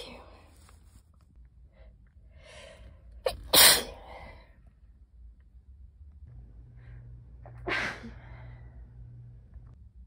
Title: August/September sneeze compilation